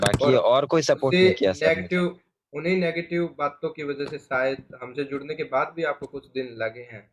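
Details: Adult male speech therapist; normal adult speech.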